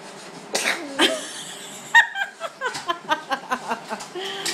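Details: Sneezing: a few sharp, explosive bursts followed by quick breathy sounds, with voices in the room.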